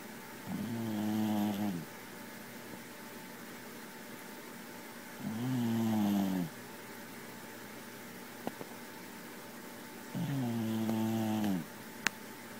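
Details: Sleeping cat snoring softly, each inward breath a buzzing, slightly musical rattle, about 13 breaths a minute.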